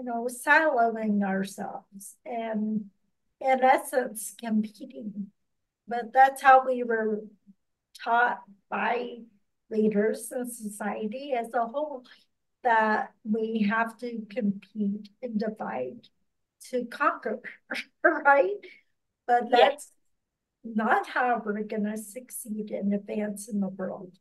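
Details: Mild ataxic dysarthria in a speaker with ataxia who reports speech difficulties and has worked on pronouncing words; real speech.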